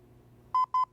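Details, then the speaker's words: LIFEPAK 20e defibrillator/monitor in AED mode, semiautomatic: two short electronic beeps during ECG rhythm analysis after the analyze button is pressed with CPR stopped and everyone clear; shock advised follows. "no one should move the patient during analysis so stop cpr and make sure everyone is clear of the patient then push the analyze button analyzing now stand clear"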